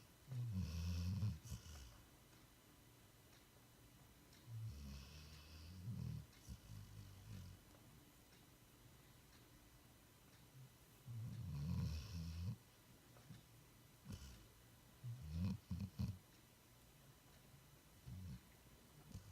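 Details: Dog worn out after days of play at doggy daycare, asleep and dreaming, snoring loudly in irregular low rumbling bursts with soft snuffles between.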